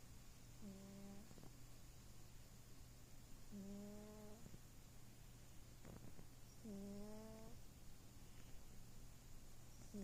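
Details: Sleeping female cat snoring: three soft, buzzy, tonal snores about three seconds apart, near 20 breaths a minute, over a low steady room hum.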